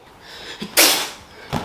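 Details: Staged comedy sketch: a rising in-breath then one loud, hissing sneeze with a smaller follow-up at the end.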